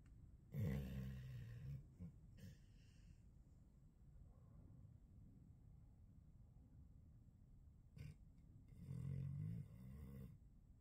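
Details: Snoring during sleep: two deep, grunting snores separated by several seconds of quiet breathing.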